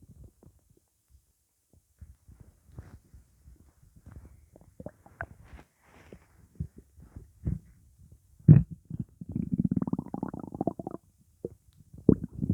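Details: Stomach rumbling after eating pizza, with gassiness: irregular low gurgles and bubbling rumbles, with a longer churning rumble midway; active borborygmi.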